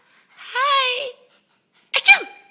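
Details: Young child who finds sneezing funny: a drawn-out high vocal sound, then a short sharp burst like a small sneeze, amid an adult's playful "ak ak" sneeze imitations.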